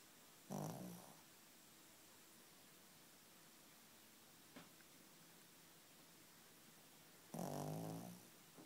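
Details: Two low, rumbling snores about seven seconds apart with near silence between, from a female dog asleep on the bed after a tiring afternoon bath; ordinary snoring.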